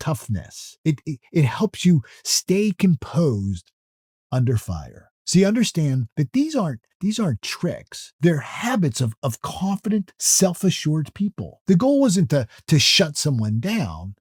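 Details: Adult male speaker who says he stutters or stammers, heard in natural speech with word repetitions; stuttering.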